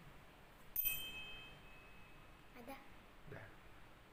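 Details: Tuning fork (hearing test).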